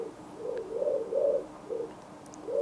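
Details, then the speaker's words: Pulsed-wave Doppler signal on an ultrasound machine during an obstetric/abdominal tutorial, heard live as the spectrum is displayed with triplex mode then deactivated. "presionamos p w y podremos ver el espectro de esa señal con triples vamos a ver en vivo la señal arriba y en el espectro desactivando triples sacamos ese mundo"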